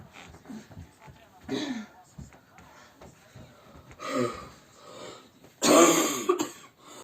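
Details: Adult woman ill in winter, bronchitis or possibly COVID (untested): several throat-clearing efforts and coughs ending in one loud, forceful cough to bring up phlegm.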